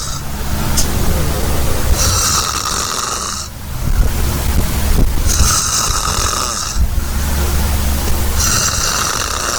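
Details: Very loud, harsh, rumbling snores repeating every few seconds, with hissy breath noise between them; snoring.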